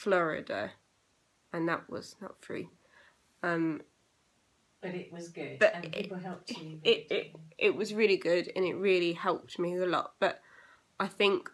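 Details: Young woman with aphasia eight years after a stroke at age 18; still has problems with reading, writing and saying numbers.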